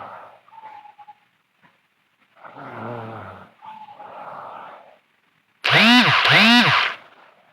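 Rough rattling breaths in sleep, ending in two loud, strained snorts that rise and fall in pitch; snoring.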